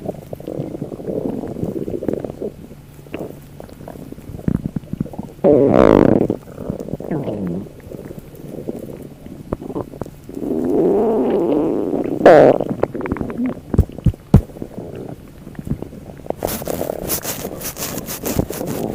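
Loud, irregular gurgling and rumbling from the abdomen, typical of ordinary stomach and bowel noises.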